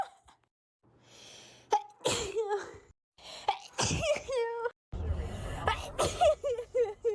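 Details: Compilation of natural sneezes from different people: sharp bursts mixed with brief voiced sounds and some background talk; sneezing.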